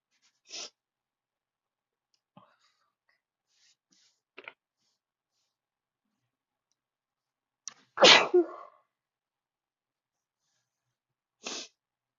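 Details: Sneezing fit at a desk: several short sneezes and breathy catches, then one loud forceful sneeze and a final sneeze, within about twelve seconds.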